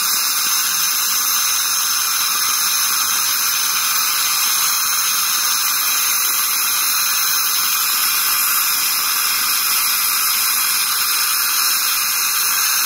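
Steady high-pitched hiss and whine with water spray throughout, the sound of an ultrasonic scaler removing tartar from teeth.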